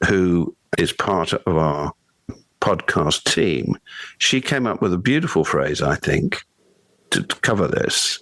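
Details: Adult man speaking; no speech disorder.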